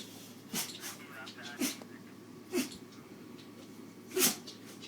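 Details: A dog sneezing repeatedly after stretching: four short, snorting sneezes about a second apart, with light background noise.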